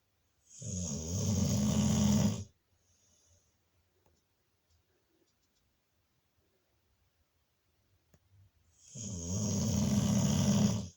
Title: Diva the Snoring Pitbull